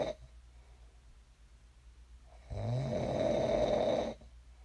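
A quiet pause, then one loud rough rattling snore on the in-breath lasting under two seconds, ordinary snoring during sleep.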